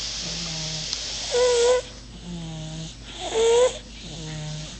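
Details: Baby boy sleeping in his room, snoring rhythmically at about 30 breaths a minute with a high whistling squeak on each breath and a low hum on each exhalation; infant snoring.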